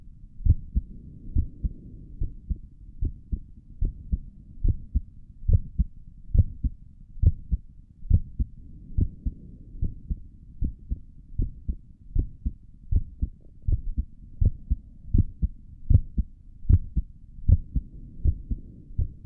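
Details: ASMR recording of the creator's own heartbeat through a stethoscope on the chest; steady, soft thumping at roughly 70 to 75 beats a minute; stomach gurgles occur during the recording; normal heart sounds.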